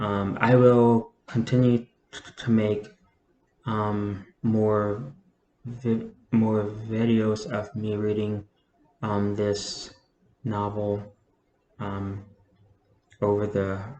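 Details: Adult with a self-reported stutter, speaking spontaneously rather than reading; says they stutter less when reading. Fillers and word repetitions heard. Stuttering.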